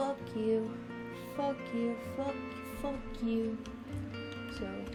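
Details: Teenager recently diagnosed with Tourette syndrome, tics starting when very young, with repeated cursing vocal tics during narration; vocal tics with coprolalia (Tourette syndrome).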